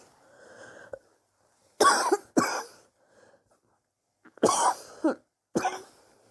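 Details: Own cough, recorded over several weeks; sore from coughing, suspects bronchitis but unsure, chest x-ray planned to check for pneumonia: two pairs of harsh, explosive, slightly wet, rough coughs with quiet breaths between.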